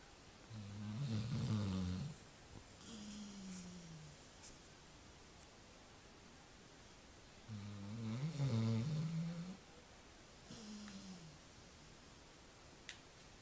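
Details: Snoring during a nap: slow, deep, rattling snores on each breath in with softer groaning breaths out, about nine breaths a minute.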